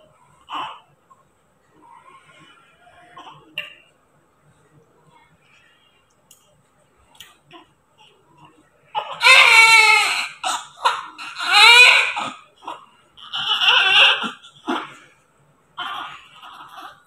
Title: Newborn baby today just immediately after birth delivery😍🤣